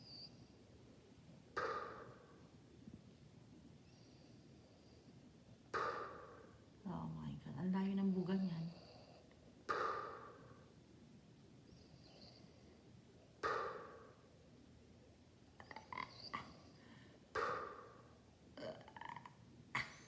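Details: A mother ("Nanay") snoring in her sleep: regular snorting snores about every four seconds, with a brief voiced groan in the middle.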